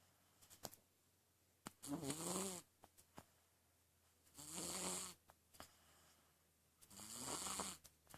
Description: My little monster snoring away in bed. You can't see anything but you can sure hear him haha.